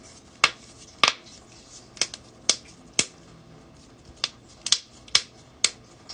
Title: joint cracking compilation